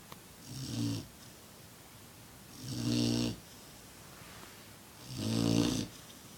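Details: 6-month-old black Labrador sleeping: three rhythmic rattling snores, about 26 breaths a minute, with quiet pauses between; snoring.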